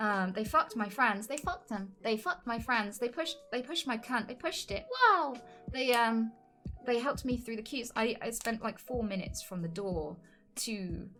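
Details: Woman with Tourette's syndrome, recorded live while streaming; repetitive involuntary swearing vocal tics interrupting her speech; real, not acted; vocal tics (Tourette syndrome).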